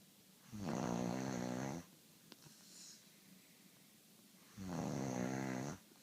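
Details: Adult snoring during sleep: two loud, rumbling snores, each over a second long and about four seconds apart, with quiet breathing between; ordinary snoring.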